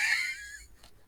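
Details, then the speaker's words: Imitated, not real, asthmatic wheeze: a brief, high, whistling breath sound fading out, demonstrating the little whistle from constricted airways that occurs mainly in severe asthma. "in severe cases this is when that wheezing may come in where you hear that little whistle that is coming out uh from the lungs um"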